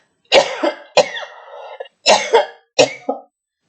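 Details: An adult with a very hoarse voice, which the speaker attributes to sleep deprivation, gives four short, sharp coughs over about three seconds while about to recite a poem; a plain cough.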